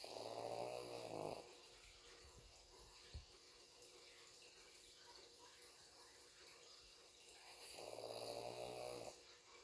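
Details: Pug sleeping with eyes open, snoring: two long, rattling snores several seconds apart with quiet breathing between.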